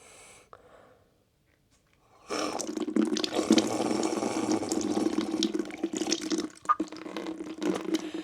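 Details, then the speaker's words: Nasal saline irrigation with IV sodium chloride via syringe, right nostril first, leaning over a sink: water sloshing, gurgling and splashing as saline flushes through the nose; some swallowed. "Seru, seru, seru. Kayak kayak lagi berenang kemasukan air. Oke, ada yang ketelan juga sih."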